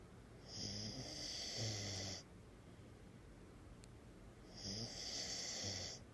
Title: Snoring pup